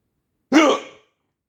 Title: bad hiccups